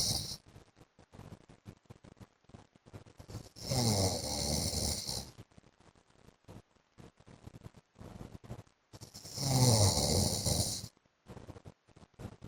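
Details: Adult man (husband) snoring during sleep: loud, rough, rattling snores on each in-breath, two long snores about six seconds apart, with quiet breathing between them.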